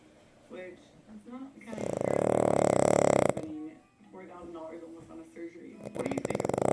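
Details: Loud, harsh snorting snore with rattling breaths, among faint voices, from a male pug asleep in his owner's lap.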